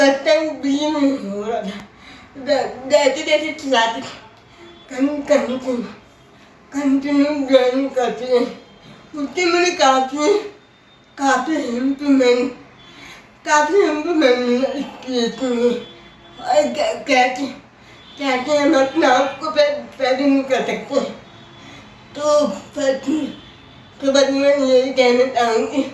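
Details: Adult woman with cerebral palsy whose speech is hard to understand; dysarthria (cerebral palsy).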